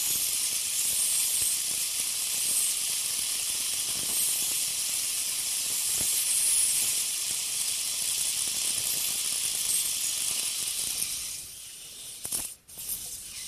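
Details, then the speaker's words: Ultrasonic piezosurgery bone saw tip cutting vertical sections of a sinus window osteotomy with very little pressure and gentle sweeping motion: steady high-pitched hiss, stopping near the end. "again very little to no pressure just gentle sweeping motion on a smaller scale obviously but it's still same still same concept"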